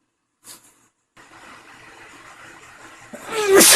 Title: cold sneezes (male)